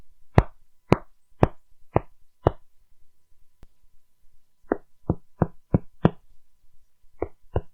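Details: Demonstration of clinical percussion sounds, e.g. at lung level: short finger taps, hollow resonant over air-filled lung, flatter dull over solid tissue, drum-like tympany over the stomach.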